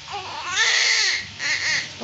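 A newborn's strong, high-pitched wailing cry in two rising-and-falling bursts, the vigorous crying expected just after birth.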